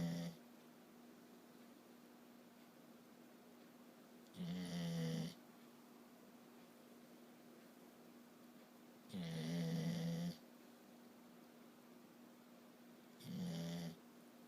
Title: Pup snoring